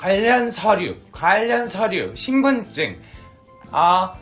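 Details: Echolalia in an acted Korean scenario: a customer with autism at a community service centre repeats the clerk's words.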